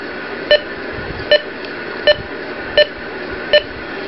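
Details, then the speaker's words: Ohmeda Trustat 3500 pulse oximeter beeping with each detected heartbeat, short regular tones at about 79 per minute, while attached to an adult's finger; SpO2 read 99%. "so you can hear it beeping from a heart rate"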